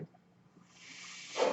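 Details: Speaker's own mechanical ventilator heard during her speech: a soft airy hiss builds and swells into a louder rush as the ventilator delivers a breath.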